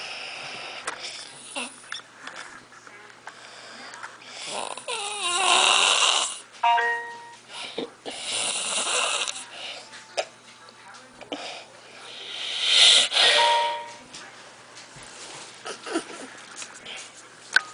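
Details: Sleeping man whose breathing-in makes an odd noise: loud, harsh, hissing snores in bursts several seconds apart, with some snorting and faint room noise; loud snoring.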